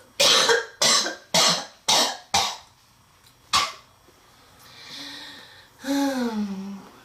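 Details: Girl with a severe respiratory condition in a relentless coughing attack: a rapid run of harsh coughs, then a wheezy, strained, voiced gasp for breath, a coughing fit.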